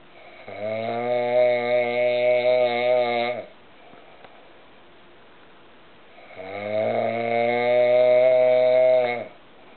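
Two long, loud, droning snores with a steady buzzing tone, separated by a quiet pause; typical heavy snoring.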